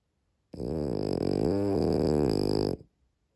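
A single long, vibrating, buzzy breath sound lasting about two seconds, consistent with a dog's snore.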